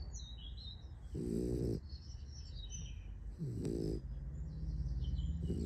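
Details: A sleeping puppy: low rumbling snores, two or three breaths with faint high whistling between them; snoring.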